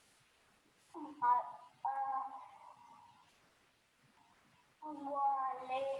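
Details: Child with developmental stuttering (dysfemia) who uses marked force in each disfluency; the clip is an excerpt cut from a longer recording; stuttering with effortful disfluencies.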